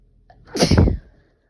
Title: Desperate itchy sneezes